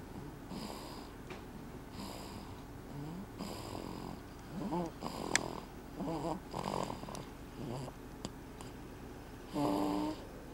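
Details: A 12-week-old sleeping peacefully snores with repeated soft, rattling breaths about every one to two seconds and some whistling tones in a quiet room; snoring.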